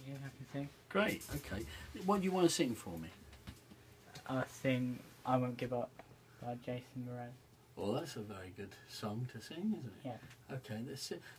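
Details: Adult male vocal coach and a young person talking; ordinary conversational speech.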